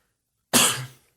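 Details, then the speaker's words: Lingering cough in a speaker who had a cold about two months ago and says the cough keeps interrupting their conversations: a single quick, dry cough like a sharp throat clear, post-viral cough. "I had a cold bug like two months ago and I still have this cough that just interrupts everything it makes it impossible for me to to say full you know conversations without an interruption"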